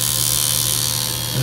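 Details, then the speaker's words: Steady mechanical buzzing and rattling of a power-assisted liposuction cannula running continuously during pubic-area liposuction on an awake, lightly sedated patient under local numbing; fat transferred to breast. "and once everything is all numbed up the actual sucking of the fat is not painful"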